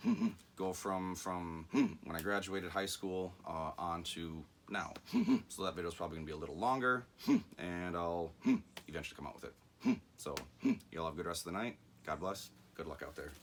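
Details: Adult man with self-reported, undiagnosed Tourette syndrome that runs in his family, with vocal and motor tics plus anxiety and ADHD; speech interspersed with frequent 'mm-hmm' and 'hmm' sounds; vocal tics (Tourette syndrome).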